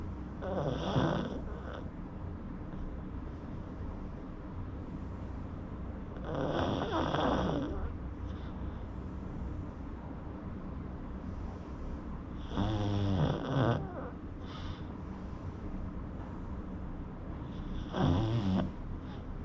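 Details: Sleeping pug with repeated rough, rattling snores about every five to six seconds, about four cycles; snoring.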